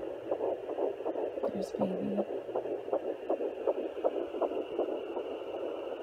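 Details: Fetal heartbeat at 10 weeks 6 days of pregnancy, heard on a home pocket fetal Doppler (Sonoline B, 3 MHz) with gel and the probe below the belly button; the heartbeat is easily lost with slight probe moves.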